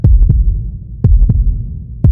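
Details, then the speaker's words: Teaching demonstration of normal heart sounds: regular lub-dub, S1 (closure of atrioventricular valves) closely followed by S2 (semilunar valve closure), short systole, longer pause between beats. "El primer ruido se escucha como loop y el segundo ruido como dup. Y cuando los juntamos se escucha loop dup, loop dup, loop dup."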